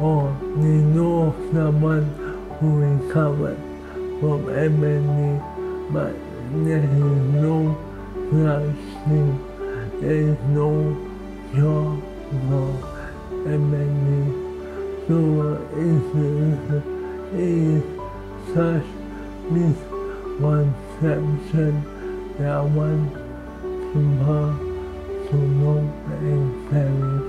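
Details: 38-year-old man with amyotrophic lateral sclerosis (ALS), a progressive motor neuron disease; dysarthria in ALS.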